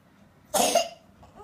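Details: One short, loose cough from a child with a runny nose in a quiet room, recorded while the child is being taken to see a doctor.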